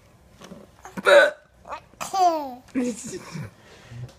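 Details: Several abrupt, voiced hiccup sounds at uneven intervals, mixed with brief vocal noises in a small room; hiccups.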